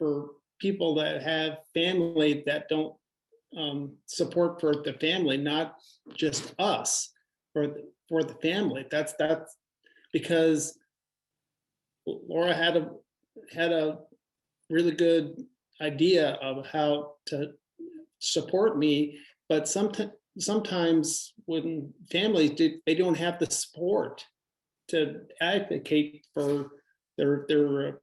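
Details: Adult male fire captain with aphasia after his second stroke, difficulty reading, writing and talking, improving: aphasia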